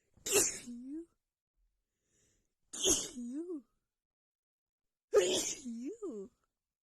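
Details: Female sneezing fit just after visiting a friend's home with cats: three forceful sneezes a few seconds apart, each with a short vocal trailing sound, let out after holding back.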